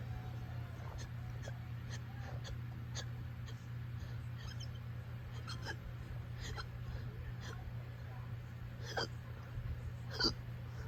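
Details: Repeated brief sharp hiccups, about eight in eleven seconds, uncontrollable at 5am, over steady low room hum.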